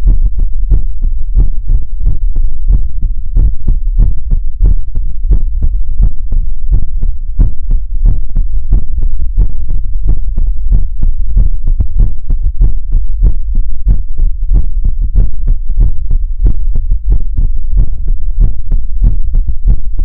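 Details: ASMR livestream heartbeat sound for relaxation: steady, rapid low thumps repeating through the clip over a constant hum; regular heartbeat rhythm.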